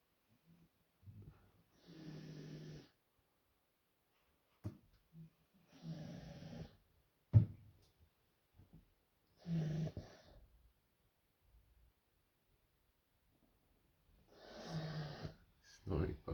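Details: Female puppy napping: low rattling snores on each breath, about every four seconds, with a few soft snorts between them in a quiet room; a sleeping dog snoring.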